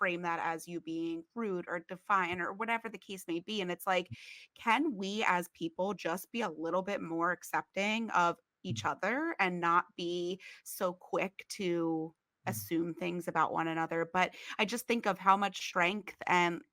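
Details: Adult woman speaking; typical speech.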